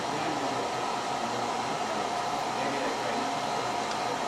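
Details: Steady loud rushing airflow without breaks from a smoke evacuator during fractional CO2 laser resurfacing of the face.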